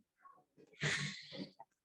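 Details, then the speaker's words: Chest trauma with open pneumothorax: harsh, rough rushing of air with a snoring quality through the chest wall wound (traumatopnea), an ominous sign of a sucking chest wound. "Eso es una traumatopnea, tal cual como si estuviese allí roncando por los pulmones, ¿ok? Eso no se les puede olvidar, eso es un evidente signo ominoso de un traumatismo de tórax con un neumotórax abierto."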